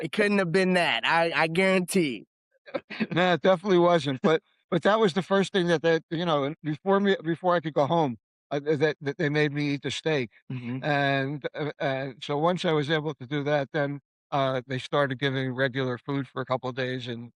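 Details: Aphasia after a stroke in an adult man who was in a coma for 5 weeks and in hospital for 8 weeks; he is now living with aphasia during long-term recovery.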